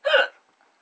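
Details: A single abrupt, voiced gulping hiccup from an adult woman who has the hiccups.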